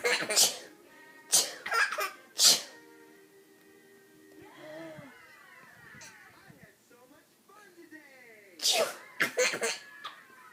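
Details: Several sharp, breathy adult sneezes in a row, with a child laughing between them and faint music behind; sneezing.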